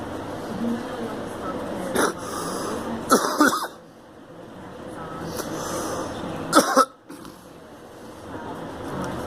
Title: Girl coughing